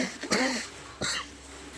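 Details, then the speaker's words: Cough from a child ill with fever, whose cough began after playing and cycling in rain-flooded water: two short, harsh cough bursts in a small room. "थोड़ी खांसी भी आती है।"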